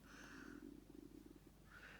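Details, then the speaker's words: Faint, low, bubbling rumble with irregular pulses; stomach growling (borborygmi). "do apologize if you can hear my stomach growling."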